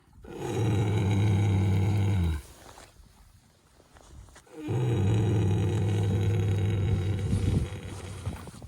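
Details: Snoring from a horse lying down for an afternoon snooze: long, deep, groaning snores, two drawn-out breaths with a short pause between, normal for a horse asleep lying down.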